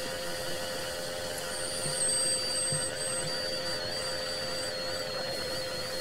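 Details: Nebulizer (aerosol) driven by an oxygen cylinder, recorded 26 minutes as white noise: steady mechanical hum with constant hiss and faint high whistling tones.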